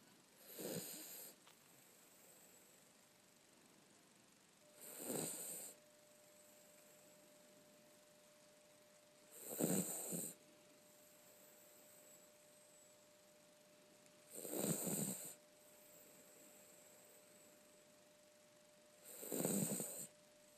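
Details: Soft, regular snores about 13 a minute during sleep, each a rough breath with a faint hiss, over a steady low room hum; snoring.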